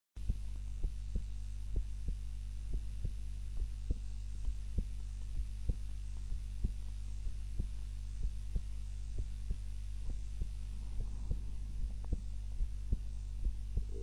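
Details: Normal heart sounds recorded on a timer while napping lying on the back (usually sleeps face-down): steady, soft low resting thumps over a constant low hum.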